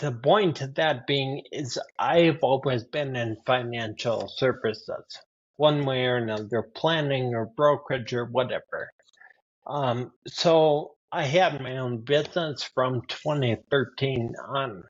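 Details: Adult man with spinocerebellar ataxia type 15 (SCA15), a rare progressive neurodegenerative disorder; his speech has worsened since his early 40s, along with his handwriting: ataxic dysarthria.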